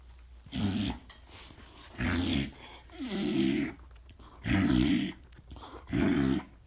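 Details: A dog with bordetella makes repeated loud honking, snorting inhalations in rapid bursts: reverse sneezing.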